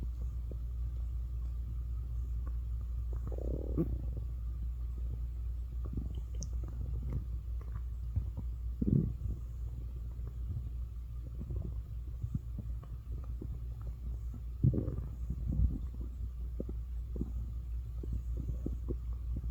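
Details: Morning stomach growling (borborygmi): low gurgling rumbles and squelches from the belly over a steady low hum; a normal digestive sound.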